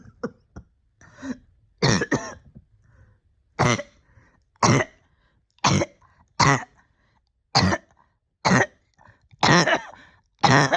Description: I got pretty sick at the end of the year and have been struggling every day of 2024 to get my breathing back right. I won’t go into graphics but it has been a year and I’m scared this could be my new normal.